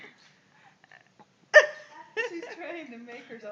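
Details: A single sharp, abrupt voiced catch followed by a short vocal sound; a hiccup.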